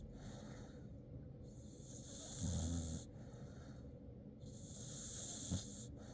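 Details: Sleeping dog snoring: hissy breaths alternating with low rumbling snorts.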